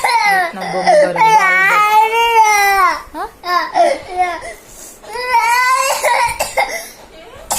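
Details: Young boy crying for his dad: loud sobbing cry with broken, gasping breaths between wails while an adult comforts him nearby; ordinary distressed crying.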